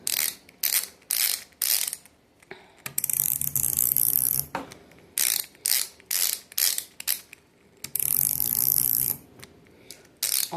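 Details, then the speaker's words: Person with insulin pump filling the pump reservoir from a 300-unit insulin vial with a 60-unit filler, refilled several times before infusion set insertion; repeated ratcheting clicks in quick bursts with grinding stretches; insulin pump reservoir filling. "this vial holds 300 units and this only goes up to 60 so we're going to fill it a few times"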